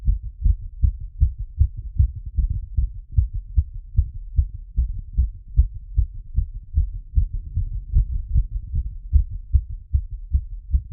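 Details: Heart auscultated through a stethoscope after a workout plus squats: fast, strong heartbeat, roughly 150 thumps a minute, possibly about 75 beats if sounds are paired; normal post-exercise heart.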